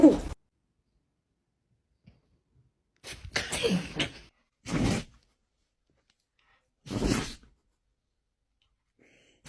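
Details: Dogs in a sneezing compilation: several short, snorting sneezes separated by silent pauses; sneezing.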